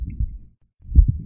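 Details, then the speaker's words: Heart murmur heard by stethoscope, a whooshing sound from a damaged valve letting blood leak back: low heartbeat thumps with a rumbling, whooshing sound around them. "si une valve est abîmée et laisse passer du sang et ça va s'entendre au stéthoscope et ça fait un bruit particulier qu'on va appeler un souffle au"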